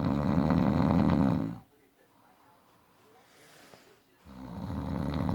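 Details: Adult man who snores in every sleep position, day and night: very loud, coarse, fluttering breath sounds broken by a quiet pause of about 2.5 seconds; heavy snoring.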